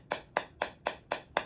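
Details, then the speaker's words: Electrohydraulic shockwave device firing on the painful hot spot of an adult's left knee with chronic ACL deficiency from a 2001 soccer injury and meniscal-area inflammation: six sharp evenly spaced cracking pulses, about four per second. "That's a electro-hydraulic charge. This is kind of like submarine charges, depth charges."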